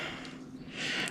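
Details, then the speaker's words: A cat snores nearby during engine repair work, a brief raspy, breathy snoring sound with faint room noise behind it; snoring. "T'entends mon chat qui ronfle?"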